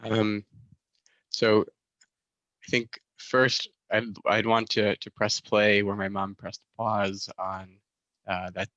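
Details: Stuttering in a male master's student who describes himself as a proud person who stutters.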